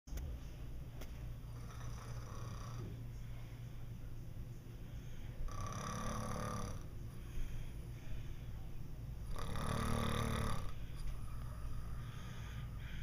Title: 07.31.11 Snore Napping